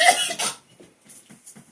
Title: He really got me good with the fart spray i had no clue at all. I'm still coughing 😞🤢 😂😂